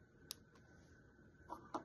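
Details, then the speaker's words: A few small, sharp clicks over a quiet room hum as a Lantus long-acting insulin pen dose dial is turned, first to 2 units to prime, then to a 10-unit dose, before an abdominal injection; insulin pen dose dial clicks. "So, now I'm clicking it to 10, cuz that's how much I'm I'm to have."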